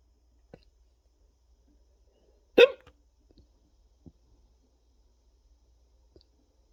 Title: Ducks on the Deck (cinematographer has hiccups)